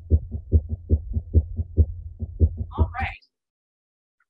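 Simulated heart with fast, irregularly irregular beats, roughly 130 to 140 a minute, consistent with atrial fibrillation; brief voices follow.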